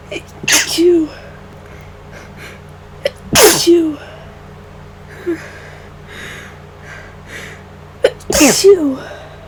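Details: Induced sneezes from a person sick for about five days, worsening daily, on the first day of nasal congestion, unsure whether flu or cold: three forceful sneezes, each preceded by a quick gasping inhale.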